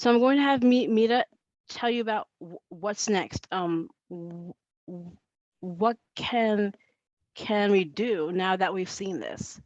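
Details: Adult woman who says she stutters and that it is heard throughout her talk; stuttering.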